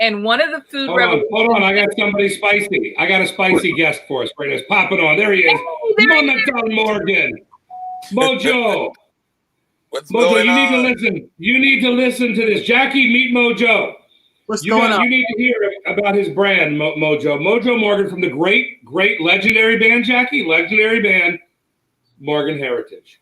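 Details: Adult male speaker, live show host; typical speech.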